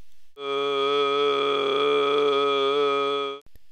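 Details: Two non-harmonic pitches heard at once during a vocal capability task; diplophonia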